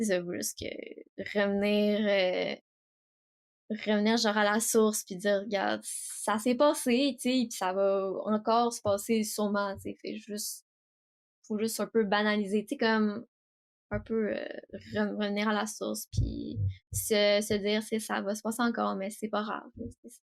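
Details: 18-year-old woman who stutters, speaking French, with audible repetitions; stuttering.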